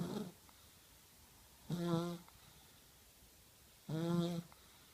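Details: 1-year-old child snoring while asleep at night: soft, buzzing snores on the breath in, about every two seconds, with quiet pauses between them.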